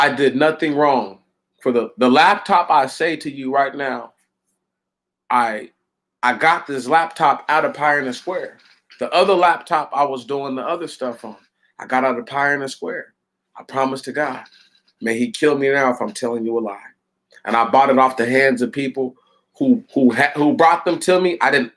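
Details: Adult man with stuttering: severe while growing up, largely overcome through hard work, with a mild residual stutter mainly when flustered and not always audible.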